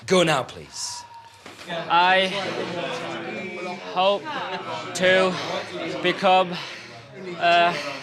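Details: 28-year-old man from London who stammers and has avoided the phone; stuttering.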